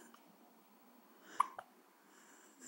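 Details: One-week-old baby with hiccups: one sharp hiccup and a softer second catch about a fifth of a second later, in a quiet room.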